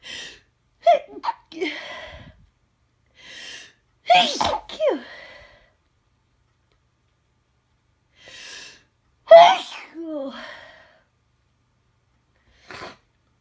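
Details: Person with a cold, some sneezes induced and some not: two full sneezes, each preceded by a sharp indrawn breath, plus smaller breaths and sniffs.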